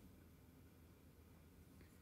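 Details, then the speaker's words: Quiet, low rumbling gurgle of a stomach growl from hunger, having eaten nothing yet; borborygmi. "今お腹鳴ったの聞こえた？結構鳴ったんだけど恥ずかしい、お腹減ってる、今何も食べてない、"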